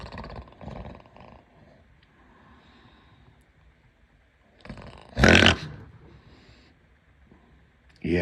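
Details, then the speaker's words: Imitation of a relative's very loud snoring: a harsh, rattling snort burst, then quiet, with another starting at the end. "this is how the man snored foreign"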